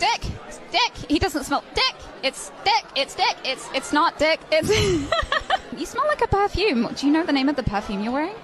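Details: Real vocal tics with coprolalia in an adult woman with Tourette syndrome, occurring during a live interview.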